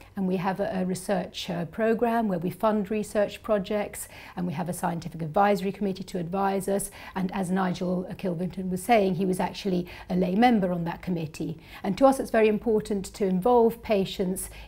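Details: Adult woman speaking; Normal speech.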